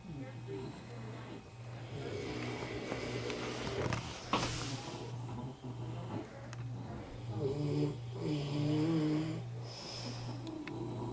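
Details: Steady low rattling snore with rhythmic breathing noise throughout, quieter room sounds behind; snoring.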